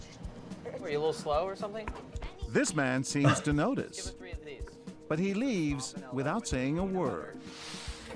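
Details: Adult male narrator; normal speech.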